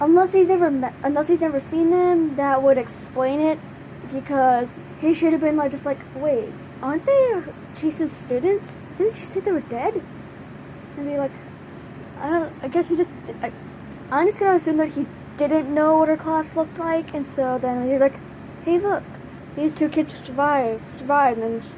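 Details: Stuttering in a female speaker who says her stutter has gotten worse; stuttering.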